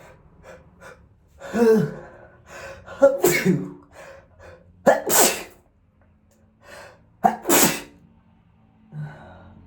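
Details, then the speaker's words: Male giving several wet, forceful sneezes, each preceded by a gasping in-breath; about four sneezes in ten seconds. "I'm gonna sneeze."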